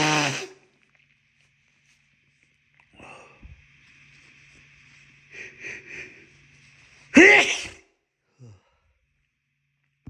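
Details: Wet sneezes with a tickling nose: two loud, explosive sneezes separated by a quiet stretch with faint background sounds.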